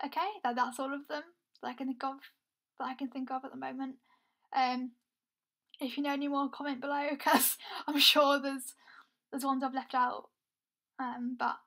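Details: Young adult woman who reports having a stammer; stuttering (stammer).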